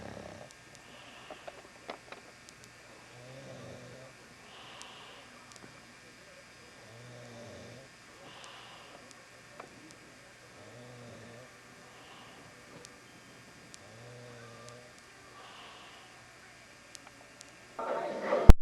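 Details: Steady snoring during sleep: regular low, rumbling breaths about every 2 seconds, roughly 28 a minute, in a quiet room.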